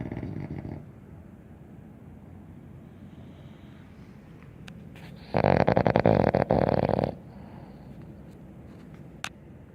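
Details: Two sleeping dogs snoring: soft snoring breaths, then one loud, rapidly fluttering snore lasting under two seconds.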